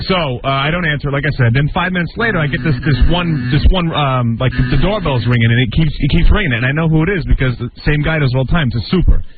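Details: Adult man; Normal conversational speech.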